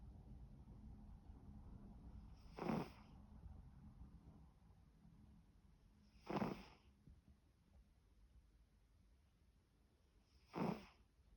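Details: Light snoring in sleep: three brief, soft snorting breaths about four seconds apart over low room noise.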